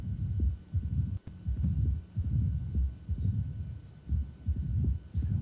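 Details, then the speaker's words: Mitral stenosis in irregular rhythm, lower left sternal border: low diastolic rumble that quiets and disappears during long RR intervals; brief voice at end. "another thing that's helpful is this patients going to show us is with long our two-hour intervals you notice the murmur gets quiet goes away"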